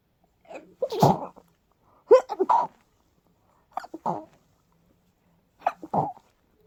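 Four sneezes in quick succession, each a short clipped burst with a small catch before it: a sneezing fit.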